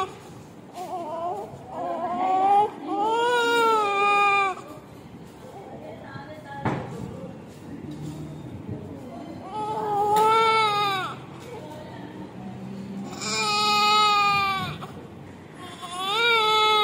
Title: 3.9kg Cutest baby boy after birth with sweet first cry #newlife #afterbirth #cutebabyboy #video